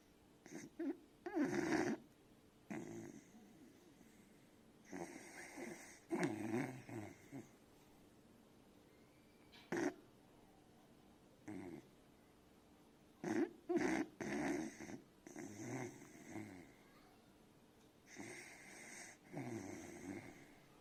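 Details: A sleeping beagle puppy snores in soft, repeated breath bursts with nasal rattling and squeaky whistles: snoring.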